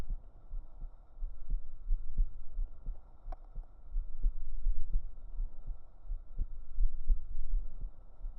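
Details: Real heartbeat recorded up close on the chest with binaural microphones for a relaxation recording: deep, muffled, steady thuds at roughly 70 per minute with a soft background hum; a heartbeat.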